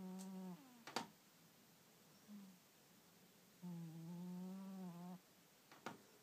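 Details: A sleeping cat gives two long, low, droning snores a few seconds apart, each with a steady humming tone, plus occasional soft clicks: cat snoring.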